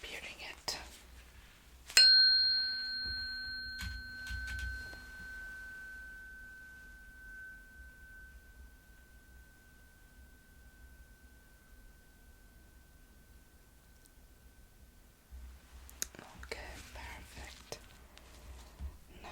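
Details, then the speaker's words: Tuning fork test of hearing during a simulated ASMR cranial nerve exam: the struck fork rings with a clear, pure tone fading over about 13 seconds, with whispered room sounds before and after. "Next, we're going to do the tuning fork test. So, going to hit the tuning fork and Then if you can tell me when you stop"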